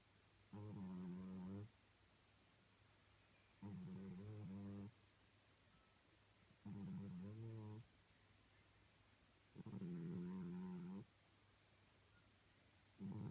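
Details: Snoring cat: regular low, buzzing snores, about 19 a minute, each roughly a second long, with quiet gaps between.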